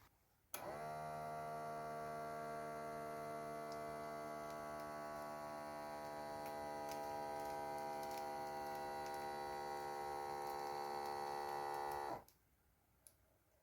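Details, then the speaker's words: Automatic blood pressure monitor inflating on a relaxed arm, cuff above the elbow crease, during a physiology demonstration; reading afterwards 115/73 mmHg, stated as normal. "luego la persona va a relajar su brazo y se va a encender el tensiómetro y automáticamente se va a controlar la presión arterial"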